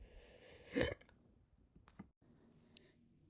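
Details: Hiccups: a sudden short catch of breath followed by a few faint clicks in a quiet room.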